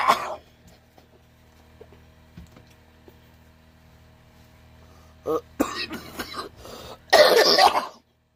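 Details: Adult smoker of Lucky Strike red 100s, smoking: a short cough, several seconds of quiet, then a cluster of three to four harsh coughing bursts.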